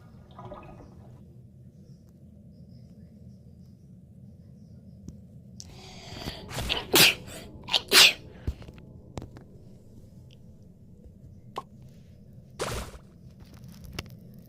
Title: The way I sneeze